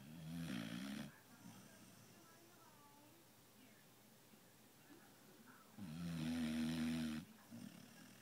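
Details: Dog snoring like a chainsaw: two loud, rough, low snoring breaths about five seconds apart, separated by quiet breathing.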